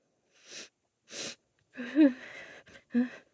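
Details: Female with allergies: two sharp hissing sneeze bursts, then a voiced sneeze and a short nasal blow; allergic sneezing.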